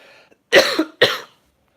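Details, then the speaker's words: Adult man with a sore, croaky throat: two short, harsh cough bursts, the first with a rough throat-clearing tail, during a live video chat. "I'm just trying to sort my throat out, so I'm just waiting for this question off Scott. Sorry guys, keep talking amongst yourselves. I've got a bit of a sore throat, I do apologise, and if I sound a bit croaky and"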